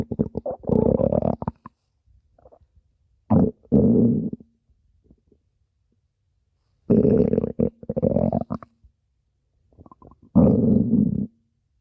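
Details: Low gurgling, rumbling bursts separated by quiet gaps, from a recording of over five minutes of stomach growling: borborygmi.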